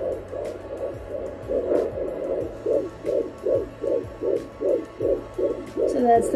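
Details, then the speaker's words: Fetal heartbeat heard at home on a Sonoline B handheld Doppler with gel on the pregnant belly: rapid, regular whooshing pulses around 130–150 beats per minute, about twice the mother's rate, shifting as the baby moves. "So like the baby actually moves, and you'll know it's the baby's heartbeat because it is, or like in that range, but yours, if you happen to hear it, it's literally like divided by two. So the baby's heartbeat is two times as fast as yours."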